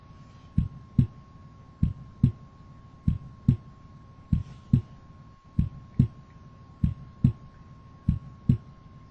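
Simulated heartbeat, about 48 a minute: crisp single first and second sounds in each beat, with a steady faint background hum; normal single S1 and S2.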